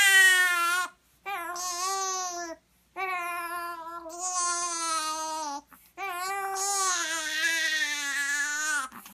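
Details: Infant crying while apparently straining to pass stool: loud, high-pitched crying in three long sustained bursts separated by brief breaths; an ordinary cry.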